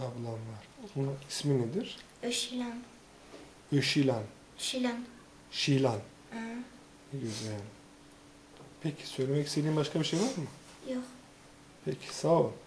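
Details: 9-year-old boy from Switzerland with stuttering, currently attending stuttering therapy, speaking Turkish.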